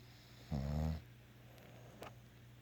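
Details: One deep, rumbling snore lasting about half a second over quiet room hum, then a faint click, from a bulldog snoring and dreaming during an afternoon nap.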